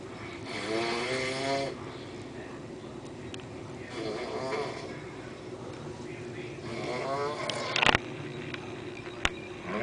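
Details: Big man snoring in sleep: three loud, rough, rattling snores on the in-breath about every three seconds, with low room noise between them; ordinary snoring.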